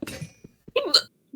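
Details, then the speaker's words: Human hiccup: a sudden voiced hiccup with a sharp catch, a brief click, then a short squeaky gulp. "My hiccup. I'm gonna sample that sound and use it in future videos."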